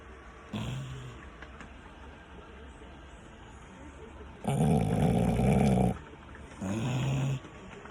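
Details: Dog snoring in sleep during rain: three low, rumbling snores over about eight seconds with steady rain noise behind; snoring.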